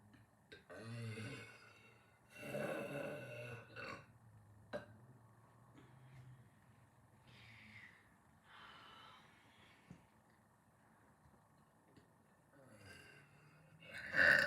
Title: Post-dinner burps🫶❤️